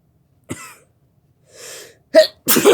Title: Sneezing!